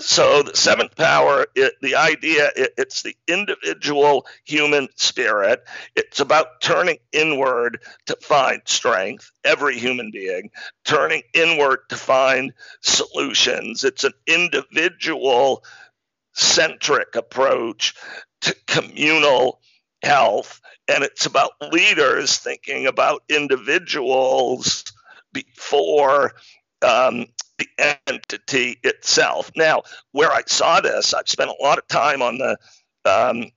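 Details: Man with spasmodic dysphonia, a rare neurological speaking disorder causing partial voice loss, with onset around 2010 and diagnosis in 2012; much improved over about a decade but still present; real speech showing spasmodic dysphonia.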